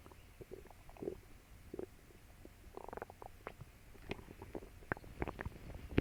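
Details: Borborygmi: quiet gurgling and bubbling stomach rumbles with scattered pops, recorded after eating a meal for the first time in a while.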